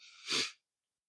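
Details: Woman sick during Christmas week with a cold: a short breathy intake followed by one sharp, explosive sneeze.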